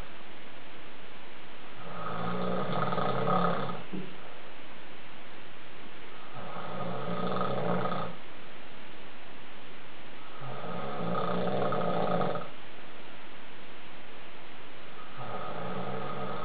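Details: Adult man (husband) snoring at night, loud rough snores on each breath in, about 15 breaths a minute, with quiet pauses between them; the snoring keeps his wife awake.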